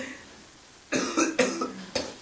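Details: A quick run of several harsh, dry coughs close together after a brief quiet moment; a person coughing a lot.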